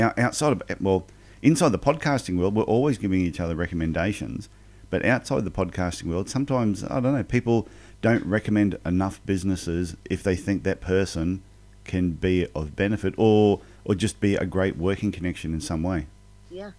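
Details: Adult man speaking; normal speech.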